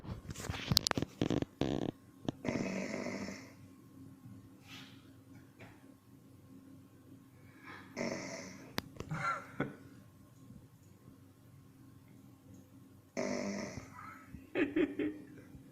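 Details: A dog snoring in a small room, with loud, rough snoring breaths in bursts every few seconds and snorts between quiet pauses; snoring.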